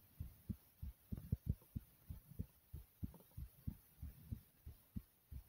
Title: Thumping Heartbeat